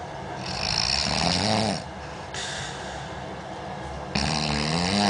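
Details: Sleeper said to sound like an old pig; loud, rough, rattling breathing sounds with background noise; snoring.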